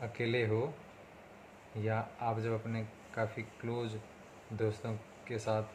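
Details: Hindi-speaking adult man on day 37 of speech therapy for his stammering: stuttering.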